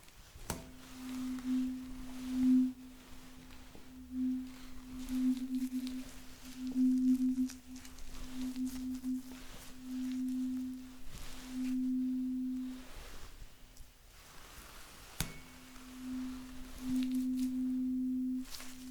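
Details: Simulated ASMR hospital roleplay of a hearing test with binaural audio: a struck tuning fork rings with a steady pure hum that fades and returns as it moves from one ear to the other.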